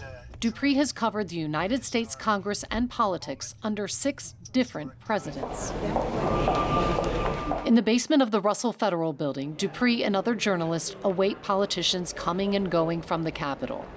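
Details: Adult female narrator; typical speech.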